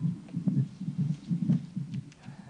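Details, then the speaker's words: Muffled, steady low drum-like thumps in paired beats, roughly 80 a minute, with a watery hiss: a mother's normal heartbeat recorded by a microphone inside the pregnant uterus. "太鼓の音のように響くのは母親の心臓の音[音楽]です"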